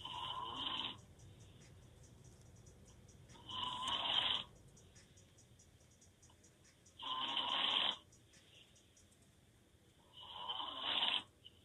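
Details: Adult boyfriend snoring with open mouth while asleep: four loud, harsh rattling snores on the in-breath, roughly 17 breaths a minute, with quiet pauses between.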